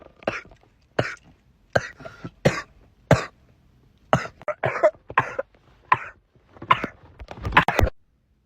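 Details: Repeated sharp coughs, about a dozen in eight seconds, from a person with asthma while in a car; cough.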